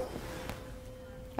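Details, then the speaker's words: A struck 512 Hz tuning fork gives a steady pure mid-pitched hum, demonstrated to the patient before placing it on the forehead midline for the Weber hearing test; tuning fork tone. "Es este un diapasón de 512 Hz. Esto va a producir un ruido, para que no te asustes, te voy a mostrar."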